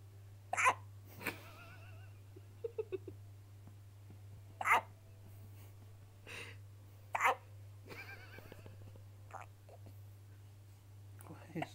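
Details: Hiccups in a 6-day-old baby boy after a feed: brief, sharp, repeated bursts at irregular intervals, about 15 a minute, with a steady hum and quiet talk behind.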